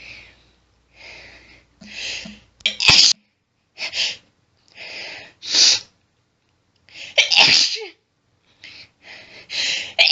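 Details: Female's rapid run of forceful, hissing sneezes with catching breaths between, about a dozen in ten seconds, after stifling; heavy build-up and hitching; intense sneezing fit.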